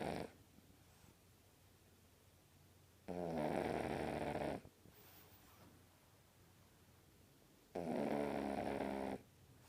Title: Snoring Pug Puppy Video 2